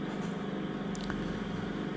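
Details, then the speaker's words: Endoscopic ear microsuction by a nurse: scope moved nearer to get the suction tube onto the flat edge of a stubborn wax plug; steady droning suction hum with faint brief hisses as the tube meets the wax. "I've gone in a bit nearer with a scope so I can try and get the tube on that flat Edge there hoping that might do it"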